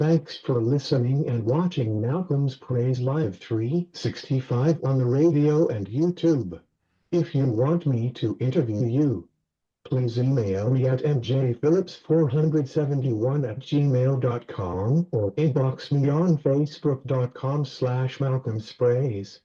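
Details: Male radio host with cerebral palsy: dysarthric speech in cerebral palsy.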